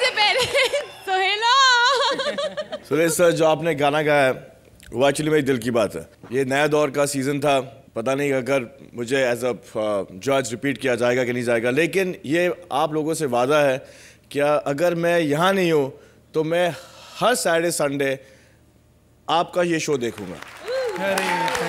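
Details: Adult male speaker; normal fluent speech.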